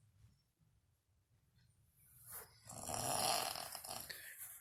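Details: Grandmother asleep: after quiet breathing, one long, rough, fluttering snore on a breath in; snoring.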